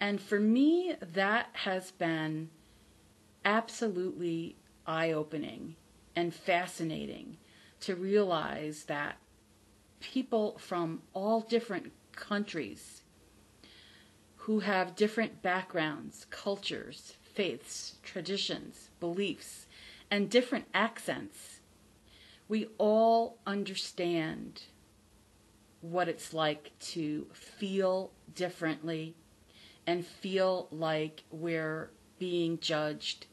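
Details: Adult woman from the United States, a self-described person who stutters; she says she is not recovered from stuttering, only from the fear of it, and that listeners can hear her stutter; stuttering.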